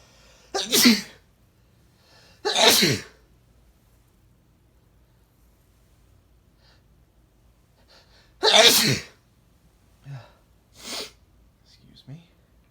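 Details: Male, short sneezing fit: bout of three loud sneezes with breathy intakes between, then softer breath sounds.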